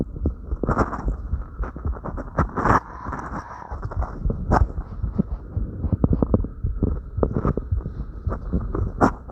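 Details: Own heartbeat recorded after light crunches: fast, steady low thumps with breathing and rustling movement noise; quickened heartbeat after light exercise.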